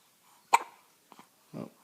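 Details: One-week-old baby girl who is always nursing and constantly has hiccups: three soft, abrupt catches about half a second apart, the first strongest, in a quiet room; infant hiccups.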